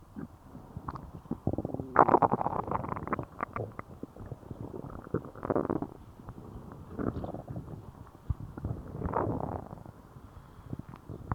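Loud, long gurgling and rumbling from the belly in waves; active bowel sounds after a laxative.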